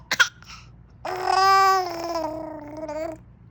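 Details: Infant gives two short deliberate coughs, then a long drawn-out playful vocal sound likened to speaking Wookie; voluntary cough.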